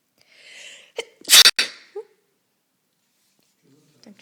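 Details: Two cats fighting are interrupted by a sneeze: a single sharp, explosive sneeze preceded by a quick in-breath, in a quiet room; sneezing.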